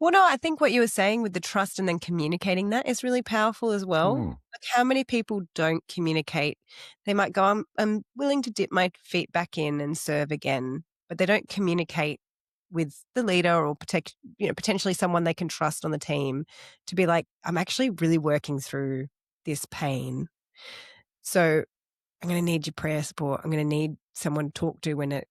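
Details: Adult speaker; normal speech.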